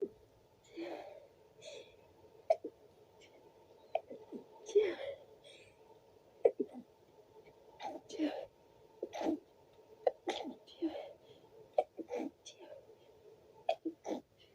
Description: Tried my best to make the "Achoo " Sound while having a sneeze attack .